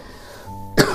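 A single short throat-clearing cough from an adult, heard over soft instrumental background music.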